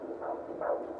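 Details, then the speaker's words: Fetal heartbeat on Doppler during a prenatal visit in a fourth pregnancy, doctor performing the Doppler: rhythmic whooshing swells, fast and regular, judged good. "come close to your mom now we're going to listen to the baby's [Music] heartbeat"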